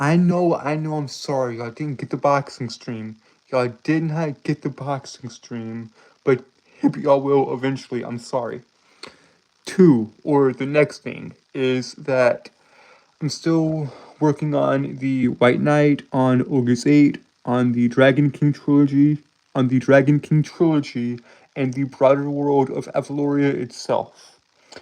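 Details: Male streamer with a self-described speech impediment causing stuttering and tripping over words; stuttering.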